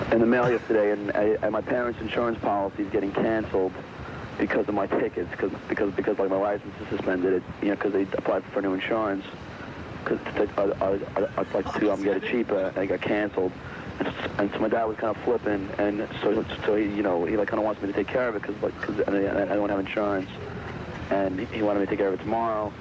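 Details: Adult man's answering-machine message from around 1989; he reportedly did not know he was stuttering on it; stuttering.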